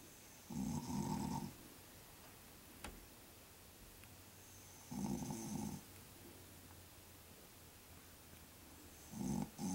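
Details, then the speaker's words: Adult man (dad) asleep in his bed, secretly recorded by his daughter to prove he snores: three low, rattling snores about every four seconds, around 15 breaths a minute, with quiet room noise between. "see Dad we told you you snore and that wasn't even the worst of it I caught you redh handed"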